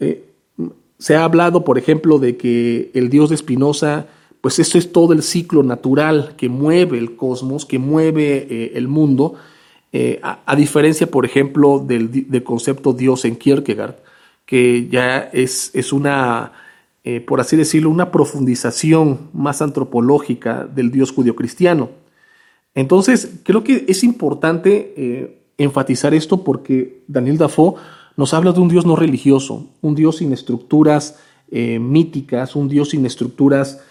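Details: Spanish-speaking man who implies he is a person who stutters; spontaneous monologue; stuttering.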